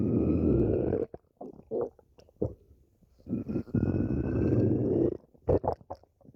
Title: stomach growling